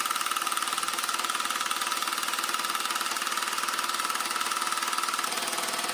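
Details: Handheld low-intensity shockwave device for erectile dysfunction, self-applied to the penis section by section, described as painless: rapid, steady mechanical tapping at about 230 pulses a minute with a constant whine; shockwave therapy device operating.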